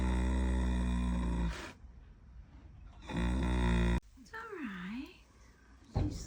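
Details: A Standardbred maiden mare resting at night in foaling season snores: deep, loud rumbling breaths with a snore-like rattle on each breath, brief quiet gaps and background noise.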